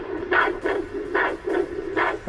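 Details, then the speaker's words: Handheld Doppler with gel over an artery, demonstrated for use with LVAD patients: rhythmic pulsing whooshes about every 0.4 to 0.5 seconds over background hiss, arterial flow signal. "which will help the Doppler as far as noise wise so that you won't have as much artifact you can kind of hear that whooshing sound right"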